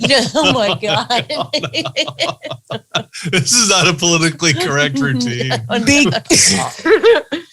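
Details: Adult speaker; typical speech.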